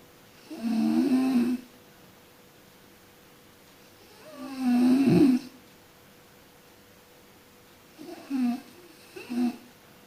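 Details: Person sleeping and snoring: loud rattling snores on each breath in, about three cycles in ten seconds, the last one broken into shorter snorts.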